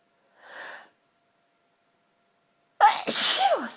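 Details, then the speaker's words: Sneezing from a dust allergy while trying to talk: a soft breathy intake followed by one forceful voiced sneeze. "I thought I'd try and talk to you all while sneezing for my allergies to dust about what inspired me to start my show my own fetish show and what the fetish means to me and so far I'm not doing very good trying to talk well well needed sneeze I decided"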